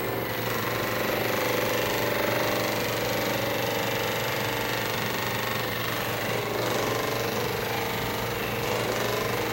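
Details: Percussive massage gun used on a patient with cerebral palsy and whole-body tightness, especially back and shoulders, before chiropractic adjustment.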